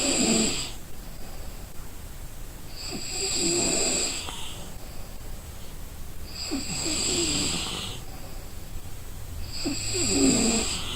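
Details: Sound of an exhausted person sleeping and snoring.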